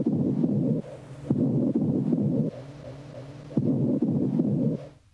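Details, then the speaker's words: Patient whispers "one, two, three" during lung auscultation; whispered words come through the chest wall louder and clearer than normal: whispered pectoriloquy, suggesting airless, consolidated lung. "these sounds are louder and clearer than normal as in this example whispered pectoral acquis is present"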